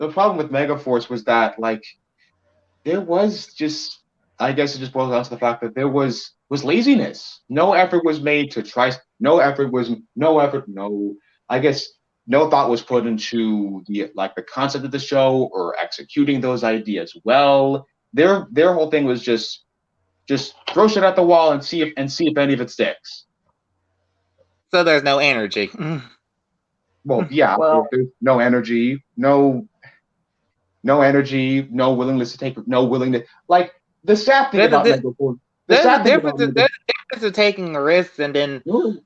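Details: Male podcast co-host who says he has a bit of a speech impediment that may sound like rambling, type unspecified; speech disfluency with word and phrase repetitions.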